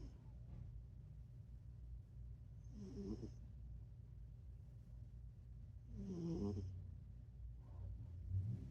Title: #snoring cat cute funny#ねこ いびき カワイイ♥️